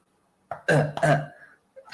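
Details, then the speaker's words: Person with severe Tourette syndrome: two abrupt voiced throat-clearing grunts, vocal tics. "as you can see here, I have severe Tourette's syndrome and I just want to say he is wrong."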